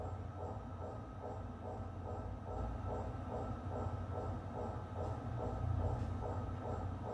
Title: Mri&Metal 🧲 ☢️ mri sound 🔊 #أشعة #radiology #xray #فيزياء_طبية